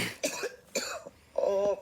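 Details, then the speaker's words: Woman coughing constantly while trying to film: two quick coughs, the last ending in a voiced throaty sound, part of repeated, persistent coughing. "I find explain it's going on and I just keep coughing constantly and I don't want to have to keep doing that by the camera"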